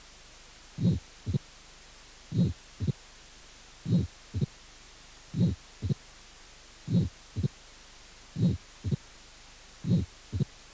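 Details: Mitral stenosis with presystolic murmur and opening snap.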